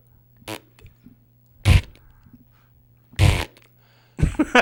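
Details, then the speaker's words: Imitated Tourette syndrome vocal tic: short, sudden fart-like mouth noises at irregular intervals, mimicking a classmate's tic. "and that's his Tourette's. He makes these like farty [ __ ] noises or whatever."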